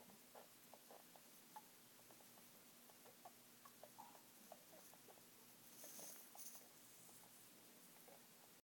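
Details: Female pet rat making noises only while asleep, not when active: faint irregular squeaks and clicks over quiet room noise; owner unsure if dreaming or sick.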